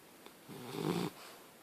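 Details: Alligator snoring: one brief, low, rough snore lasting about half a second in a quiet room.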